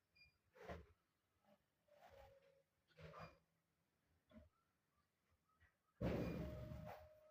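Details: Sleeping cat snoring: soft, low, rhythmic rumbling breaths, followed by a louder rustling noise.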